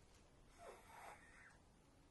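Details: Two sleeping lapdogs, a pug and a chihuahua, snore gently during an ASMR light-sensitivity exam; one soft, whistling snore from a small sleeping dog in a quiet room.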